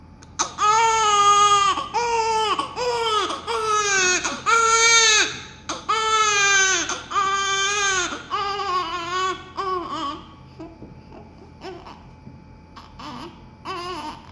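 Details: Newborn baby just after birth: strong, rhythmic crying, about seven cries with breaths between them, then fading to softer whimpers.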